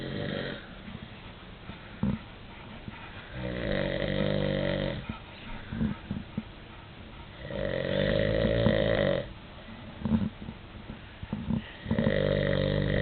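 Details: Snoring in a sleeping adult man (father): loud, rough, rattling snores about every four seconds, roughly 15 a minute, with quieter breathing between, in a small room.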